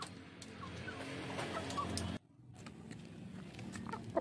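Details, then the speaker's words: Bangkok-cross rooster with ngorok (snoring/cold) needing treatment: a heavy, rattling respiratory sound, as if there is mucus in the throat, likened to a human with a cold. "ini kedengarannya suaranya temen-temen agak berat dia kayak ada lendir di tenggorokan nya kayak manusia ini kalau pilek ya hampir sama lah"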